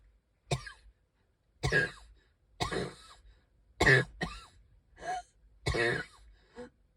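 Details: Cough in an adult who says they can hardly breathe and is wheezing: about six harsh, separate coughs with short gasping breaths between them.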